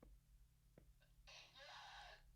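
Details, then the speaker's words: A short catch of breath builds into one loud, forceful sneeze over a low steady hum. "But listen to how like you can hear me like get the sneeze come in. Listen how you can like listen to like listen to the second one."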